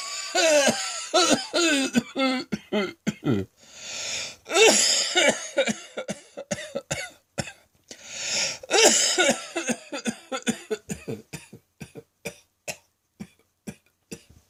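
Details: Prolonged midday coughing fit: harsh, rapid coughs in clusters with gasping breaths between; the person says it sounds like a heavy smoker's cough.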